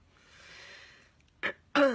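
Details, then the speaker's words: Sneeze from an adult woman with allergies who says missing a day of her allergy medicine makes her sick and hoarse; a soft drawn-in breath, then two short, sharp sneeze bursts. "Oh, I really hate allergies. If I miss a day, just one day of not taking my medicine, it's like, done."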